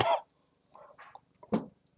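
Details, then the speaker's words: Two short coughs from an adult, a sharp first burst then a softer second, in a quiet room; a seasonal cough the speaker attributes to an autoimmune disease and is being tested for. "As you can hear, I also have a cough, and I was just at the doctor today. I usually have a seasonal cough like this because of my autoimmune disease, and now I've been tested for the disease, so we'll see how that goes."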